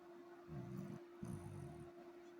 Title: finally got a video of buck snoring so cute😅❤️🐶